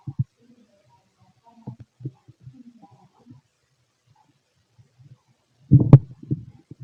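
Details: A fit male's stomach auscultated with a stethoscope: low gurgles and rumbles building to a louder growl near the end, normal bowel sounds.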